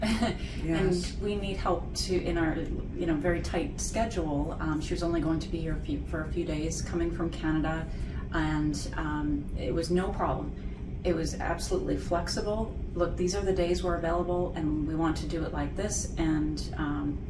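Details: Adult woman speaking; normal speech.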